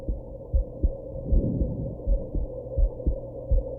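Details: Muffled paired heartbeats at about 85 a minute after drinking some alcohol and smoking, with a brief extra jolt from a hiccup; heartbeat with hiccups.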